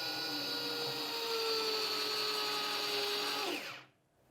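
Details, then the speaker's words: Powered bone marrow biopsy driver (OnControl) demonstrated on a training block: steady motor whirring that slows under load as the needle passes from hard cortex into softer marrow, then winds down and stops. "you will feel a give as you move from the hard cortex into the softer more spongy tissue of the mirror warn the patient that they're going to hear the the whirring noise of the driver foreign"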